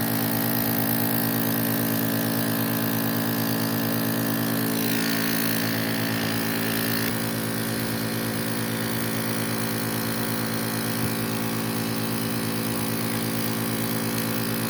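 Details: Nebulizer compressor running: loud steady mechanical hum with a fast regular buzz throughout as an Apex nebulizer is plugged in and checked to see whether it works.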